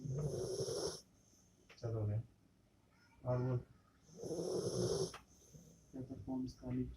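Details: Rottweiler sleeping and snoring loudly: rumbling snores with snorting inward breaths roughly every two to three seconds, faint talk nearby.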